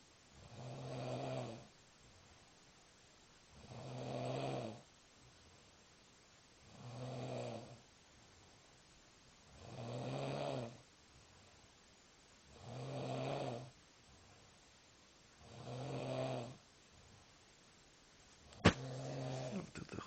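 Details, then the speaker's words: Young man sleeping after heavy drinking: loud, rough snores about every three seconds, roughly 20 a minute, keeping others awake. "Это просто жесть Вот это храп спать невозможно слышишь всё хорош храпеть блин задолбал всё не храпи не храпи всё не храпи"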